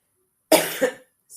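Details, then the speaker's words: An adult woman with a cold, which she says is not COVID, coughs while talking: a single harsh cough with a quick second burst, then silence. Cough. "as I'm coughing I'm saying this that sounds awesome um we do not have Co we do not we do not have Co we have a cold"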